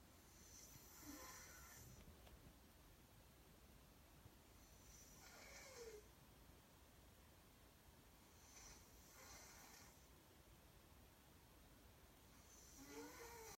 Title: The Endless Snore